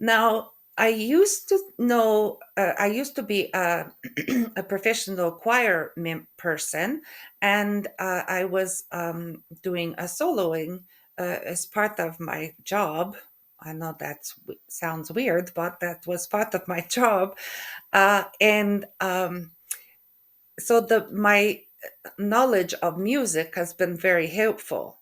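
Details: Adult woman with post-stroke aphasia and functional neurological disorder; halting speech, hesitation between words, word-finding difficulty (anomia) and stuttering; aphasia.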